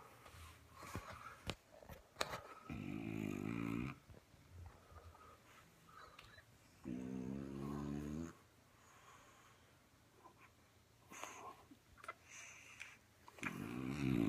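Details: Sleeping French Bulldog snoring after a tiring day at a TV show: three deep, rattling snores spaced about four to five seconds apart, with quieter breathing and small room noises between.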